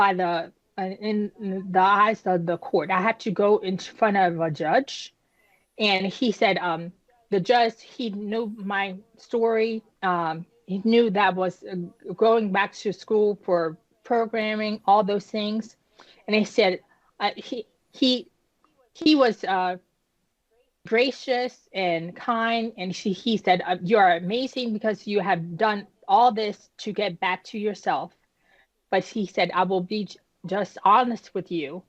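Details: Adult woman, about 10 years after an ischemic stroke at age 36 that damaged about a third of her brain, including the speech center; initially unable to speak, with right-side paralysis; still recovering, with repetitions and word-finding pauses; post-stroke aphasia and apraxia of speech.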